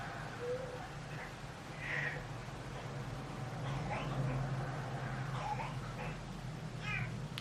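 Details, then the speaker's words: Teething 6-month-old baby boy, very upset, coughing and nearly being sick: distressed crying in short strained wailing bursts, fairly distant, over a low room hum; infant crying. "hear him like coughing because he's got himself so a lot upset he's like coughing and nearly being sick"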